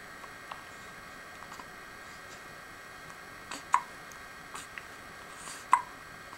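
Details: Two sharp, brief hiccup sounds about two seconds apart in a quiet room, with a few faint clicks between them; hiccups, with sneezes also in the recording.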